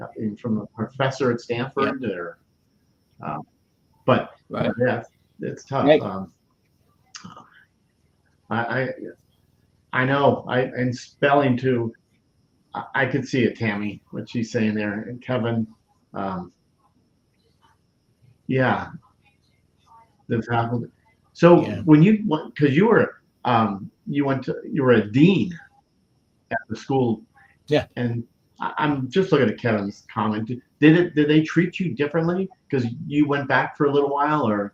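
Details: Adult man with aphasia after three strokes, the first on September 26, 2011. He initially could not read, write or speak well, and his grammar and syntax were damaged. He had seven months of speech therapy plus an aphasia group, and his speech greatly improved over ten years. Aphasia.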